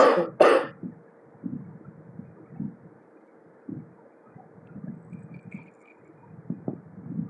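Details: A person coughing while vaping: two sharp, harsh cough bursts at the start, then quiet room noise with faint shuffling; a brief coughing episode.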